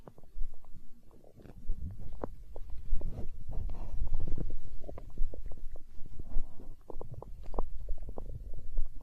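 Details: ASMR recording of a growling stomach tagged as hunger sounds: low gurgling, bubbling rumbles with scattered pops throughout; stomach growling (borborygmi).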